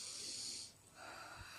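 An imitated breath: a hissing inhale, a short pause, then a softer exhale. This is normal spontaneous breathing, inspiration followed by expiration.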